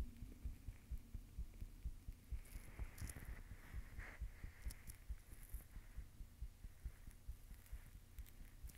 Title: My Heartbeat ☺️💓